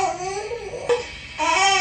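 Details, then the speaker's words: Infant crying at 2:43 at night, apparently hungry and gradually building up, fed about three minutes later: a brief, wavering high-pitched cry rising again at the end in a small room; ordinary hunger crying. "Это орет. В 2:43. Он есть, видимо, захотел. Он потихоньку начинает разгоняться."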